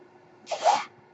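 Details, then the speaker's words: Podcast host's own mechanical ventilator, audible while he speaks: a single brief airy whoosh under half a second against quiet room noise, one mechanical ventilator breath cycling. "my name is that noise he carries my ventilator and thank you well duty and the page turners"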